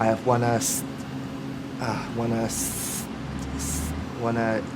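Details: Adult with a severe stammer since early childhood, on the first day of a four-day intensive stuttering course, struggling to answer a simple question; stuttering.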